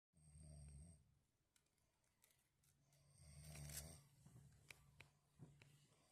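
Low rumbling snores on the in-breath, about two in six seconds, with faint room noise; ordinary snoring.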